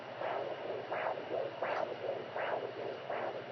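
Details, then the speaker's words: Rhythmic whooshing fetal heartbeat over a steady hum, picked up with a home fetal Doppler; parents note it is fast. "oh my gosh oh my gosh that's our little nuggets heartbeat oh my gosh eating fast I'm right on him oh my gosh it's so cool"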